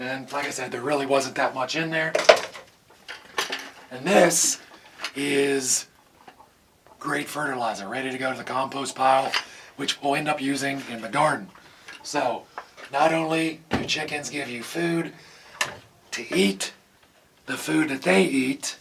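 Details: Adult man with vocal cord paralysis from surgical nerve damage in the throat, possibly temporary, making talking hard; vocal cord paralysis.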